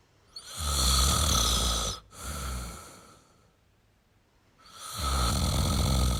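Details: Male adult heavy snoring: long, loud, rasping inspiratory snores, each followed by a softer breath out and a quiet pause.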